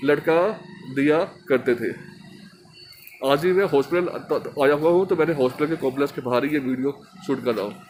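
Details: Stuttering in a Hindi-speaking man from Delhi who stammers, a member of an Indian stammering association, recording an emotional-recovery course task.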